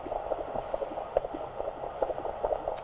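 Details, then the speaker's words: Normal fetal heart tones heard with a handheld ultrasound Doppler after applying gel to the pregnant abdomen during antenatal abdominal palpation; the fetus moves. Rapid, regular whooshing pulses at about 140 a minute, about twice the maternal rate. "this is the ultrasound doppler so just need to use some gel okay you'll be able to hear the baby's heartbeat"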